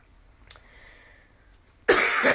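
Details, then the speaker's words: After a near-silent stretch, a loud, rough cough bursts out at the end from an adult cooking, who has started coughing again. "Starting to cough again. So I'll leave and come back and tell you guys."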